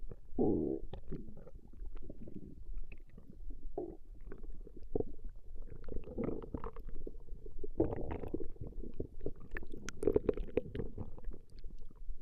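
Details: A woman's stomach growling recorded at length: continuous low rumbling and gurgling from the belly with several louder growls, ordinary normal bowel sounds (borborygmi).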